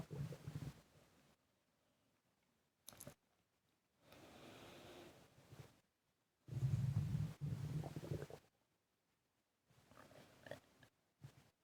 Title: Heavy breathing and stomach gurgling